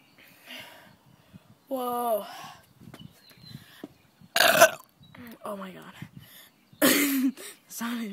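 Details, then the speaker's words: Deliberate huge burp after swallowing air and then drinking 7Up, with stomach pain afterwards: several loud, drawn-out voiced belches with short gaps and brief talk; repeated deliberate burping. "this is 7even up I'm going to do a huge burp uh let's get on to it now"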